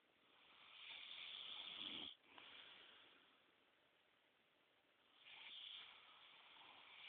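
Two long, hissing, rattling breaths in with a quieter breath out between them; loud breathing noise during sleep, consistent with snoring.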